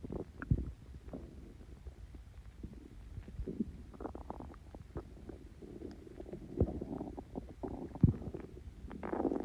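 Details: Stomach growling (borborygmi) after Coke and Mentos: low gurgling rumbles and bubbling pops from the abdomen, irregular and ongoing, as gas moves through the gut.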